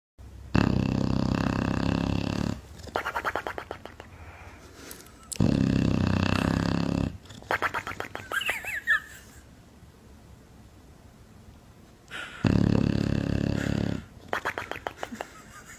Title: We All know someone who snores this loud..